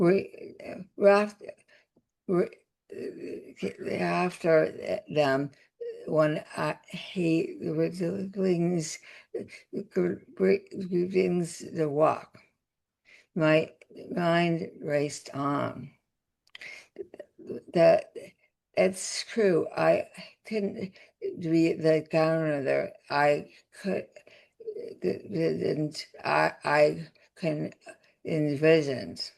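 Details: Adult woman, former professor, with aphasia after a significant stroke that also caused paralysis; speech with word-finding pauses and garbled words; aphasia.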